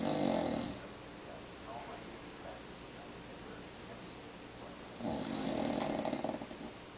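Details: Adult man who snores every night, recorded asleep on a recliner chair in the dark: two loud, rough snores about five seconds apart with quiet breathing between and faint room noise; ordinary snoring.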